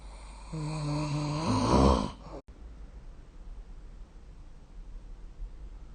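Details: A single loud, rumbling snore on a breath in, followed by quiet room noise; snoring recorded with a phone snore-recording app during sleep.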